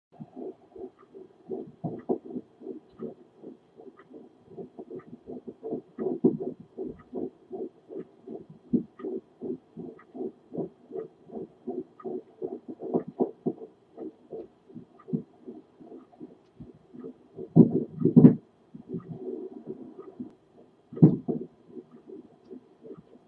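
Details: Home Doppler at 10 weeks 3 days of pregnancy: fast, regular whooshing fetal heartbeat, about twice the mother's checked rate.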